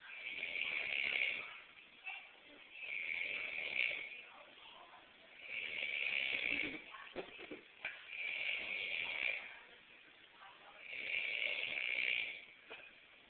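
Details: Snorer who reportedly needs surgery: regular hissing, rasping snores, about five breaths in 13 seconds, roughly 23 per minute.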